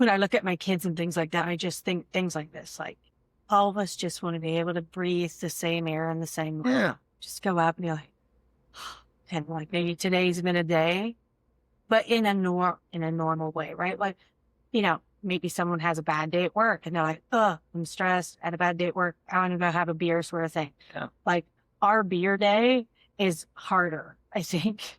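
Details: Adult woman; normal speech.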